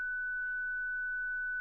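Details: A steady, high electronic tone throughout, with a faint voice in the background: a ZOLL Zenix defibrillator's tone during a 30 J self-test of internal paddles pressed together, in an instructional demonstration.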